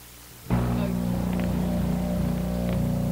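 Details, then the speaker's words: Dental vibrator in a dental office: a loud, steady, low buzzing hum starts abruptly as a mixing bowl of dental plaster or stone for pouring an impression is vibrated to remove air bubbles. "we set it on a vibrator and it vibrates all of the air bubbles out and so that was a dental vibrator"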